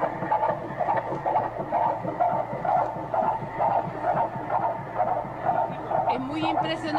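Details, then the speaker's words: Pregnant women with a device held near the body: rapid, regular whooshing pulses at about 128 a minute, the fetal heartbeat on ultrasound Doppler. "son mujeres embarazadas donde ponen los megáfonos cerca de su cuerpo para escuchar los latidos del corazón"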